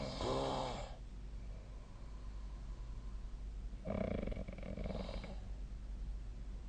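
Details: Sleeping adult snoring; rough, fluttering snores in two main bursts in a quiet room.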